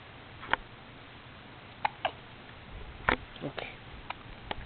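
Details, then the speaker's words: Severe hiccups with bare chest visibly moving with each one: several sharp, brief catch sounds at irregular intervals, about seven in under five seconds, over quiet room noise; repeated hiccups. "Hiccups. Again. Oh, you can see your chest move."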